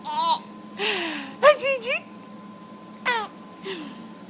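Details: Baby laughing at his mother sneezing: bursts of high, sliding squeals and giggles with a faint steady tone behind; infant laughter, not crying.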